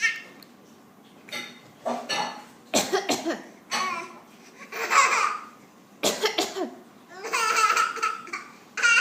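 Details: Young child coughing: several short, sharp coughs in pairs between high-pitched laughter-like or fussing vocal sounds in a small quiet room.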